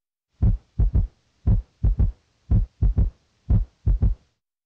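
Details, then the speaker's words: S3 gallop heard with the stethoscope bell: low, dull heart sounds in repeating groups of three, an early diastolic ventricular filling sound like distant thunder or a galloping horse; in an adult may signal heart failure. "s3 is a dull soft sound like distant thunder in an adult it may signal heart failure now listen for s3 which sounds like a galloping horse"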